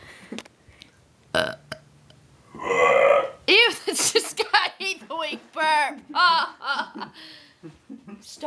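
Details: Female complaining her stomach hurts: after a few quiet noises, a run of loud, croaking, voiced burps in quick succession, some like burp-talking; burping.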